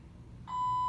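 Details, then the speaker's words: Hospital infusion pump beside an inpatient's head after foot surgery, beeping about half an hour unanswered at 9 pm: steady high continuous electronic beep; infusion pump alarm calling nurses. "Right next to my head, 3 feet away, or closer. Just a singing away. That's just to let the nurses know that they need to come and check it out."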